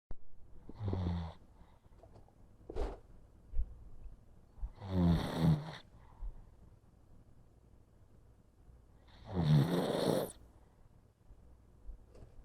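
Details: Pug wide awake and very relaxed, breathing heavily with loud snoring-like noisy breaths, roughly three rattling breath sounds in twelve seconds.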